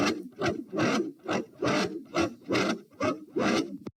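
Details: A fast heart rate replayed in slow motion, recorded at position p while standing, with strong, rasping first heart sounds in an even rhythm. Loud first heart sound (S1).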